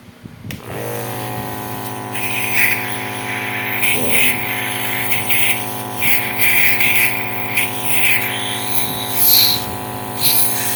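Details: Steady loud motor hum with buzzing tone and hissing air, plus handling noise, as an Apex nebulizer compressor is switched on for a function check: nebulizer compressor running.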